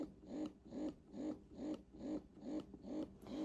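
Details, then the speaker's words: Momcozy S12 Pro wearable breast pump motor running in expression mode, diaphragm moving: quiet, regular, rhythmic whirring pulses at about 140 a minute. One of the quietest pumps the experienced user has tried. "This is one of the quietest pumps I have personally ever used, and I've used a lot, like I've mentioned."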